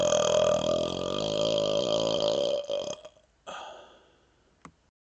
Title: Burping Smoke #3